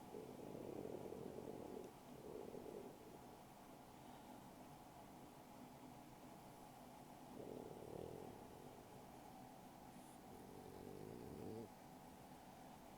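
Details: Sleeping French Bulldog, soft low rumbling breaths in irregular bursts over steady background hum; quiet snoring during sleep.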